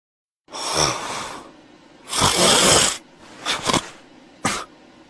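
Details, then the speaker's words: Staged snoring from a TV advert: a man's loud, rough snores with snorting breaths in a quiet room; exaggerated acted snoring. "फिर खराटे ले रहा था। एसी बंद कर दो। क्यों? खराटे ज्यादा लेता हूँ।"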